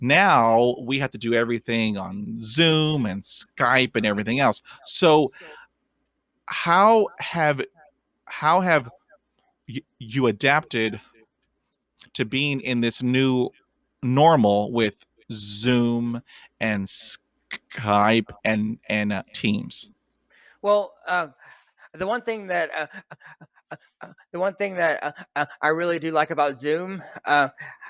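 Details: Real stuttering in an adult man who stutters; stuttering.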